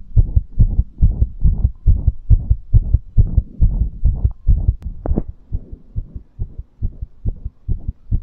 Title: Fast Heartbeat After Exercise | Fast Heartbeat ASMR | 2022-02-22